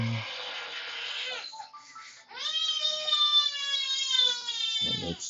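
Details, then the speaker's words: A baby crying for mama in the background at a hotel: a rough wail, then a long, high, steady cry that trails off. "oh by the way yeah that's my baby crying for Mama so you'll hear there every once in a while"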